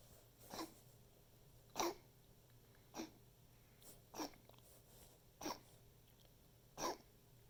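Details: Pet's coughing fit recorded for the vet: six short, harsh coughs in quick succession, another of repeated fits.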